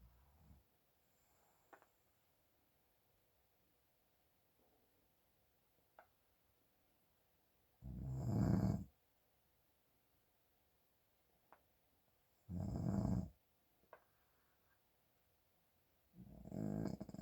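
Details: Father snoring from nasal congestion: low, rough snores about every four to five seconds, around 13 a minute, in a quiet room.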